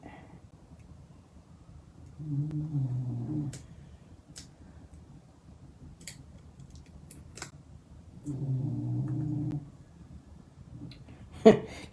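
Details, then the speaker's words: Noah, a sleeping dog, snoring: two low, rumbling snores about six seconds apart in a quiet room, with a sharp click at the end. "Can you hear Noah snoring? I can."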